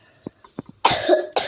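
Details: A person apologizes for coughing: faint voice sounds, then a loud, harsh cough burst and a brief second one.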